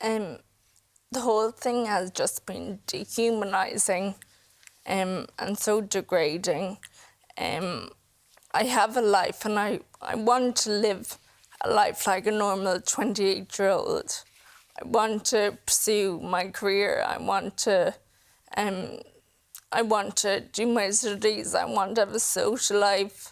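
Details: 28-year-old woman with Friedreich's ataxia, a progressive inherited neurological condition; she reports her speech and her swallowing keep getting worse; ataxic dysarthria.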